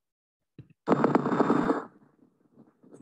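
A brief burst of dense, hissing, seashell-like noise with faint irregular crackle on needle EMG: end plate noise, a normal finding.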